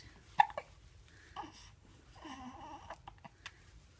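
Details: Happy infant hiccups: a sharp hiccup followed by soft infant vocal sounds and a few quieter catches, with light room noise.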